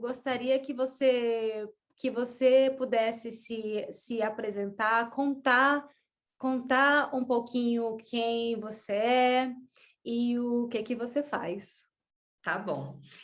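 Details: Woman who stutters since childhood, reporting blocks and pauses, not very severe; stuttering.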